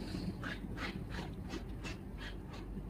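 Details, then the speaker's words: Sleeping dog snoring: quick, rhythmic snuffling breaths, about seven in three seconds, over low room hum. "Oh my god, if you can hear that, that's my dog snoring."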